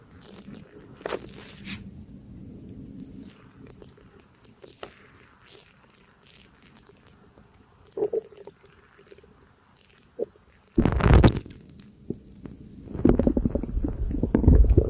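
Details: Person's stomach digesting a light breakfast, with burps: low gurgling and bubbling bowel rumbles with a few louder squelching bursts near the end.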